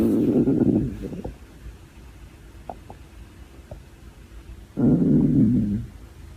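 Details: Hungry girl's stomach growling from hunger: two low, bubbling gurgles with faint squeaks between them; borborygmi.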